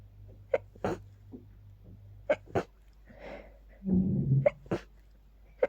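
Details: Sneezing attack from pollen after stifling, with watering eyes and increasingly stuffy nose: three quick pairs of sharp, explosive sneezes in a few seconds.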